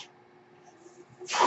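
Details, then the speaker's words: Speaker's own ventilator heard while recording a podcast: quiet low hum then a sudden rising rush of air between spoken phrases; mechanical ventilator delivering a breath. "hello everyone my name is that noise you're hearing is my ventilator"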